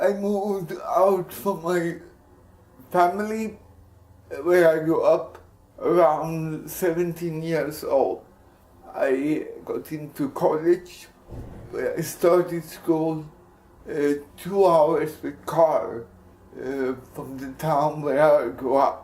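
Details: Speech of an adult man with cerebral palsy (CP injury); possible dysarthria, no specific speech disorder named.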